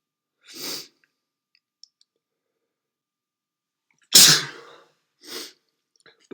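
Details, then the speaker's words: Someone who says they definitely have a cold sneezes repeatedly. Here two sneezes, one soft and one loud and explosive, are separated by quiet. "No, I definitely have a cold."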